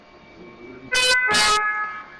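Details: Puritan Bennett mechanical ventilator alarm: loud, harsh tonal alarm bursts over a steady electronic hum, just after ventilation starts on a test lung.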